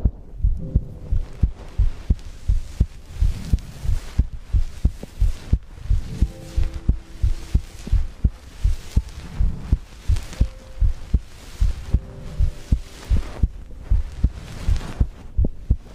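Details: Own heartbeat and breathing recorded for ASMR sleep content: regular thumping heartbeat at about 85 beats a minute, with soft breath noise and a faint background hum.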